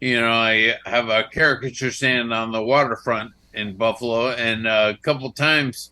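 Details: Adult male stroke survivor with dysarthria following a stroke; he says his slurred speech makes him sound drunk.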